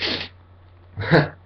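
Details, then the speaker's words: Sharp breath in, then a forceful voiced sneeze; a sneeze deliberately self-induced on request, with watery eyes afterwards. "it's was like so relieving to sneeze you know like I always thought it was relieving but this is like a different way it's interesting"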